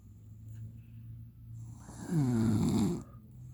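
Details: A 23-year-old woman gives one rough, fluttering snore on an in-breath lasting about a second, over low room hum: ordinary snoring.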